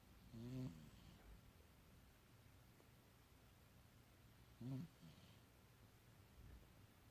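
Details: Two soft, low, rumbling snores a few seconds apart from a sleeping male cat, with quiet breathing in between; ordinary snoring.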